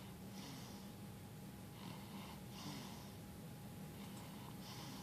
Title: snores